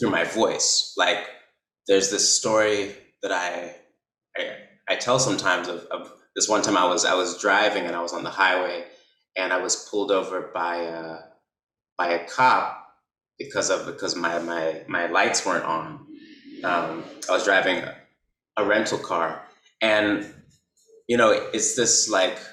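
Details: Man who describes himself as someone who stutters, with repetitions and blocks; stuttering.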